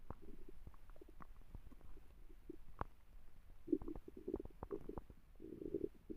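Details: Ordinary stomach growling: quiet low gurgles and popping rumbles building into a longer growl near the end; borborygmi.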